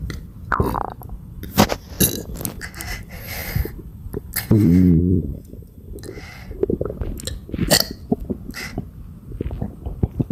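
Repeated low burps, including one long voiced belch, with gulping and swallowing sounds between; frequent belching from a bloated stomach.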